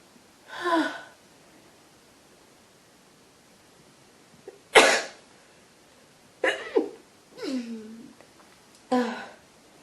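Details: Several separate sneezes, some sharp and one drawn-out and incomplete, in a quiet room from an adult woman with a head cold and clear nasal discharge, partly trying to induce sneezing.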